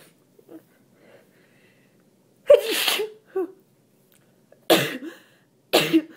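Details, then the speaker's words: Sneezing from a person still sick and congested, made sneezier by allergy to a tree after a window was left open all day, while reading aloud: three forceful, wet sneezes with a sharp intake before the first. "sorry i uh i've been leaving the window open all day so i'm really sneezy and um i'm still kind of i'm still kind of sick but i actually don't get that that sneezy normally when i'm sick"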